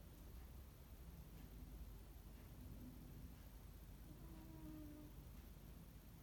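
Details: Sleeping Ragdoll cat snoring: soft, high squeaky whistles on its breaths over a quiet low rumble.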